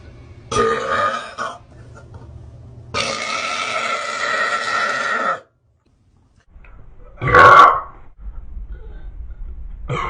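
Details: Three loud, drawn-out beer burps, the second lasting over two seconds, with quiet pauses between; belching.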